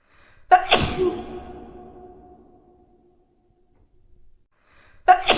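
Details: A sudden loud sneeze with a ringing echo, then a second sneeze starting at the end.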